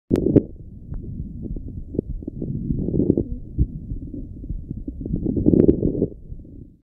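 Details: Breath sounds with many coarse popping crackles throughout each breath; crackles in bronchiectasis.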